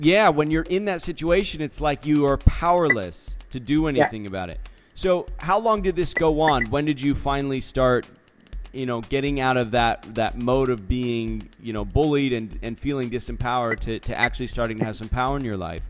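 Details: Adult male; normal speech.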